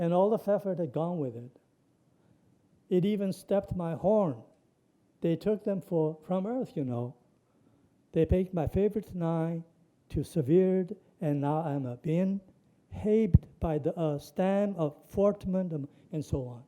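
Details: Imitated Wernicke's aphasia: a lecturer reads aloud a published patient sample of fluent jargon, word salad and neologisms with intact grammar, not a real patient.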